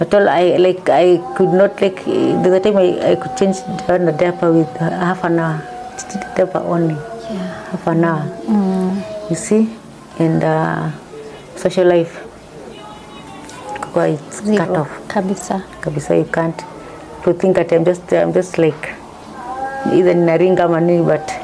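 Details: Woman diagnosed with Parkinson's disease in 2022 after symptoms began around 2019, initially misdiagnosed as a pinched nerve; she reports her medication makes her tongue heavy and her speech changed from before. Hypokinetic dysarthria (Parkinson's disease).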